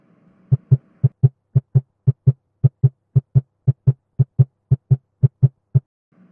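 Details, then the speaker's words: Newborn heart rate in a neonatal resuscitation training clip: regular, clear lub-dub pairs at about 115 beats a minute, above 100, a normal newborn heart rate. "now let us watch a couple of the short clips and then let me know what you think this first clip you can hear the heart rate"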